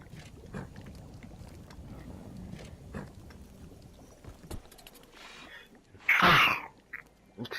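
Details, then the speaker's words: Single loud, explosive sneeze from a gamer breaking through game sounds and background noise during a PS4 let's-play, followed by "Excuse me." "Excuse me. You did not hear that sneeze."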